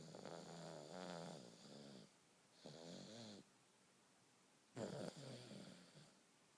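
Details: Three soft, buzzing snores with quiet pauses between, in a quiet room, from a sleeping baby.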